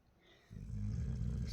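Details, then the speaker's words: Nightly snoring at 2:47 a.m. from a sleeper lying turned over: after a brief quiet moment, a low, rough rumbling breath sound continues steadily. "প্রত্যেকদিন রাতে ঘুমানোর পরে এরকম sound বের করে এখন বাজে হচ্ছে 2:47 রাত্রিরের আর এখন ও এরকম উল্টে শুয়েছে পাপার কাছে আর নাক টাপছে"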